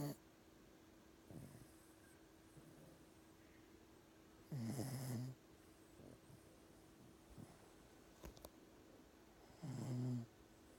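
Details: Low rumbling snores from a sleeping dog, two clear snores about five seconds apart over quiet room noise; ordinary snoring.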